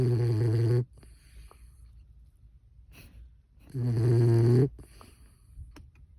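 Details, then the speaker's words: Sleeping 12-week-old puppy after a hard day; two long, low, rumbling snores with quiet breathing between them. "Snoring puppy. Had a really hard day. He's 12 weeks old."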